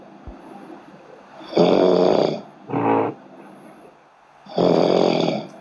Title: شخص يشخر ف لايف شوقي بن زهرة 😴😴😴😀